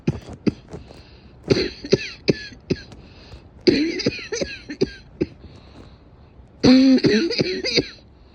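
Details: Repeated fits of short, harsh coughs, several bursts each, with brief pauses and some throat clearing between.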